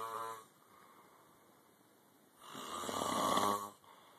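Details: Adult man asleep on a couch: loud, rattling snore on the in-breath after a quiet pause; snoring.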